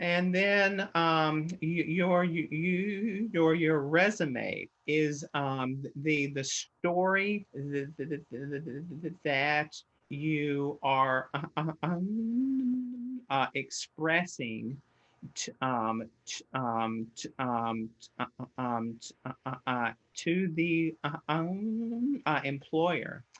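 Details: Stuttering in an adult man who stutters, with heavy word repetitions.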